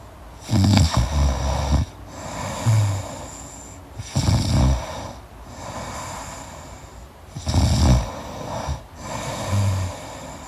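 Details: Loud rattling snores on each in-breath with softer crackly out-breaths, about 18 breaths a minute, during deep sleep; snoring.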